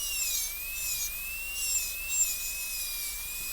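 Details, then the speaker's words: Steady high-pitched whine of a high-speed dental handpiece in a class demonstration on a Kilgore MOD class II practice tooth for a gold onlay. The bur leans axially to recut an undercut box wall down to the gingival floor with axial taper. "So again, lean the burrow axially and we can recut that wall all the way down to the ginger floor, but get a definite axial taper and then an axial taper over here"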